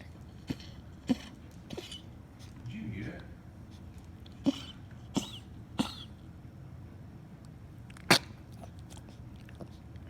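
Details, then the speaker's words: A cat coughing in a series of about seven short, sharp, dry bursts with quiet room noise between; sounds like choking but he isn't; owners suspect a hairball; unusually long bout. "Well, this is like a cough. It sounds like he's choking. No, he's not choking."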